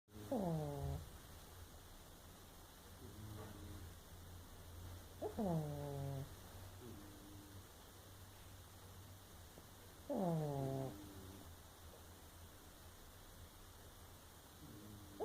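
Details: Sleeping pug snoring: low steady rumble with a squeaky, falling whine about every five seconds.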